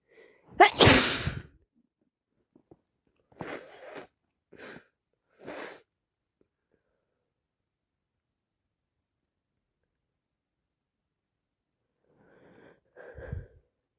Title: Wet snezzes with my cold which now turned into sinusitis, I'm so sick #achoo #cold #sneezes